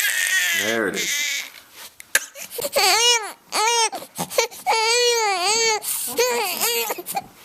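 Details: Repeated rising-and-falling wails with short gasps between them from a baby born March 5, 2012 (about four weeks old), crying in a car seat before being taken out and fed: infant hunger cry.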